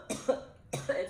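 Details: Girl coughing, apparently while smoking: two short, soft coughs close together; a plain dry-sounding cough.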